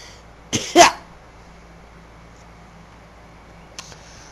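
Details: Adult smoking a cigar: two short, sharp dry coughs in quick succession, then a faint click.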